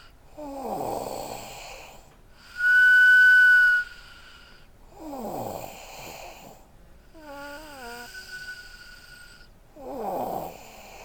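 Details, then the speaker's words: Snoring in a sleeping 13-year-old boy: three rough, rattling snores about four seconds apart, with a steady whistle-like tone and a brief chirping sound between them. "Although our son is snoring tonight, and I'm gonna take a walk in there and just let you listen. This is kind of crazy."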